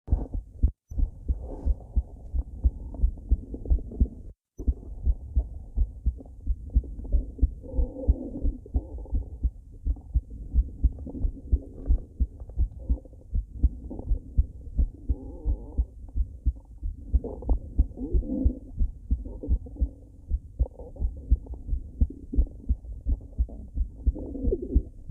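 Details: A female's heartbeat recorded on a mobile phone: steady low thumps at about 88 a minute, with soft gurgling stomach growling over them. Normal heartbeat.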